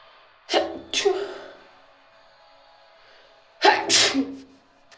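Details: Three sneezes: two sharp explosive bursts, each preceded by a quick intake of breath, then a pause and a louder third sneeze.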